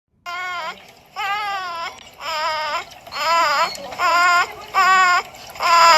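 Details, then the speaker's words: Newborn/preterm baby with breathing difficulty: repeated short, voiced, whimpering expiratory grunts about 76 a minute, with intercostal retractions (sucking in between the ribs) seen, indicating something wrong in the chest. "but more importantly what you heard was grunting that sound of have you ever wondered why babies do that well here's the reason"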